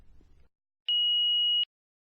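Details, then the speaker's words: Philips HeartStart FRx automated external defibrillator demonstration: pressing the green on-off button gives a brief faint noise, then a single clean high beep under a second, the normal power-on tone. "To start the defibrillator, press the green on-off button and follow the HeartStart FRx's voice instructions."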